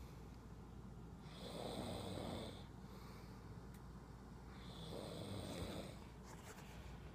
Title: Airplane snoring